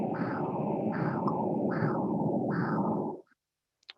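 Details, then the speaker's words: Transcranial Doppler monitoring, teaching example: pulsing whooshing arterial flow with a brief chirp or blip in the middle of the signal, shown as a red dot, a microembolic signal (high-intensity transient signal, HITS). "Okay, so I think you heard this blip or yeah, chirp in the middle of the signal and that corresponds to this red dot over here. And this is a microembolic signal."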